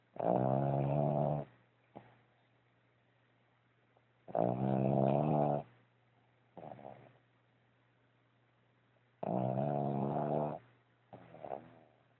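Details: Snoring from Spike while asleep: loud, rumbling, tonal snores on each breath with softer sounds between, about 13 breaths a minute, over a steady hum.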